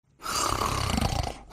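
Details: Cartoon soundtrack of two dogs, Pongo and Perdita, sleeping together (simulated snoring): a single rough, rumbling, low and throaty snore on a breath.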